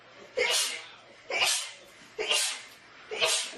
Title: Mes éternuements préféré | My favorite sneezes